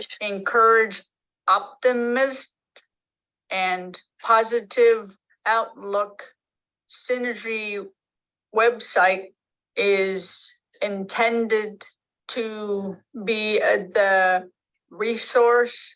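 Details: Adult woman with aphasia after a stroke almost 3 years earlier, with word-finding difficulty: she knows what she wants to say but it does not come out.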